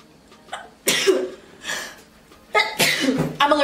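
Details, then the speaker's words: A girl sneezing: two forceful voiced sneezes, each with a short intake before it and a loud expulsive burst. "I'm allergic to expensive stuff. My sneeze is"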